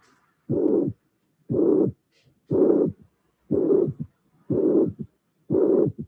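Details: Severe mitral regurgitation: systolic regurgitant murmur with a third heart sound and a small diastolic flow murmur after the third sound.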